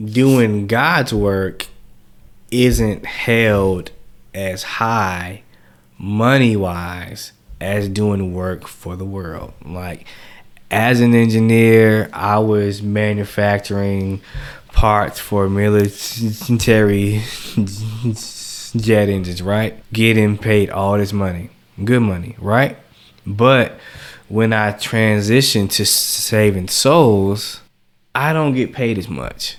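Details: Adult man who has stuttered since age 5, speaking on a podcast; stuttering.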